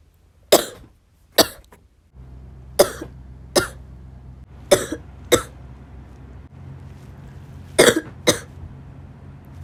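Sharp coughs in pairs, eight bursts in all, over a low steady hum of background noise.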